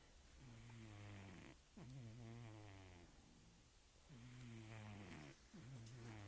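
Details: Loud, low, buzzing snores from a sleeping female cat, about four rhythmic snoring breaths with brief pauses between them; ordinary snoring with no sign of distress.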